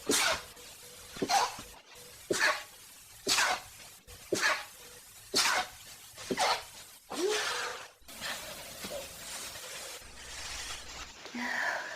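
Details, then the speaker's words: Stuffy, congested sneezing: a run of about ten sharp, forceful sneezes roughly one a second, each a short burst, then quieter sniffing. "think I need to sneeze. Something more."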